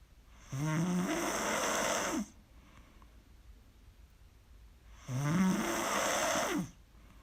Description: Snoring loud af baby :'( can't sleep but I'll get there lol